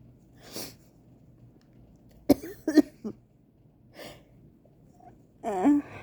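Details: Person who says they feel very sick has an allergy sneeze attack: a string of short, sharp sneezes and catching breaths in quick succession over a faint room hum.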